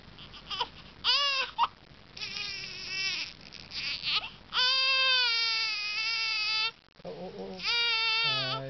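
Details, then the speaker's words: Infant girl crying after sneezing: short cry bursts, then a sustained wail, with a toy's tones near the end; infant cry. "Well, she still cries a little bit, but she's doing pretty good."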